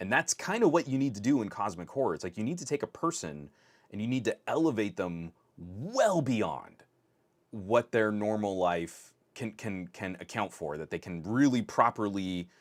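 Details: Adult male podcast host who stutters, saying his stutter is starting to kick in; stuttering with part-word and word repetitions.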